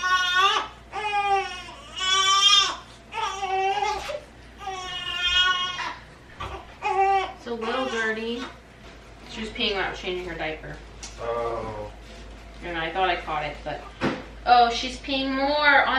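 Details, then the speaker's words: Rhythmic, high-pitched wailing cries in repeated bouts with brief pauses from a newborn girl who woke hungry and needed a diaper change; infant hunger cry. "we had a short intermission because little miss woke up and was hungry and her diaper changed which you guys heard"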